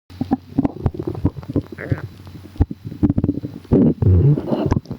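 Low irregular gurgles and rumbling bursts with some longer growls: normal stomach rumbling from gas and fluid moving in the gut.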